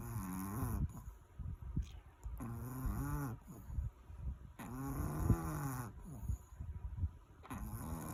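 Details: Repeated low, drawn-out groaning snores with quieter breaths between them from a sleeping Chihuahua dog; snoring.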